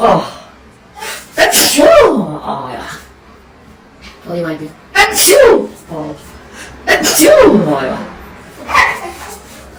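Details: A rapid run of four or five loud sneezes, each preceded by a quick catching breath, set off uncontrollably by a COVID-19 nasal swab test.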